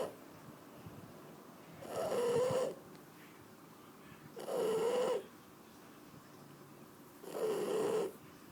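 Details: Sleeping Shar Pei dog: three long, buzzing, rattly snores, each under a second, about 23 a minute over quiet room noise; steady snoring.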